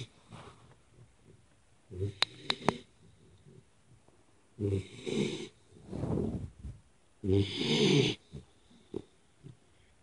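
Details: Three-month-old Pitbull puppy asleep on the owner's lap: irregular, rough, snorting breath noises with short pauses between them; snoring.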